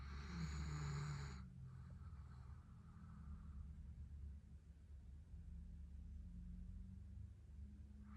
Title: Ridgeback Snoring